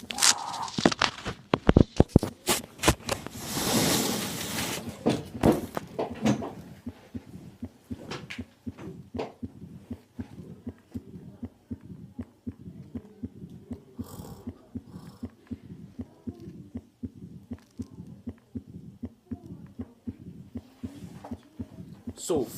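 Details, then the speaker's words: Mitral stenosis heard at the apex: regular rhythm, S1, S2, an opening snap, then a low rumbling diastolic murmur after the second sound. "is audible but but then you hear not very audible microstenosis s1 s2 an opening snap and then diastolic murmur that tahoe yes you hear it on the apex you hear it on the apex"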